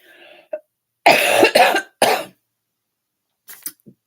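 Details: Three loud, harsh coughs in quick succession, then a few quieter throat sounds, from an adult woman who is sick with a cold while talking during a live recording.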